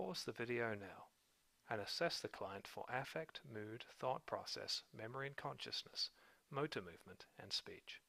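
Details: Adult male narrator; normal speech.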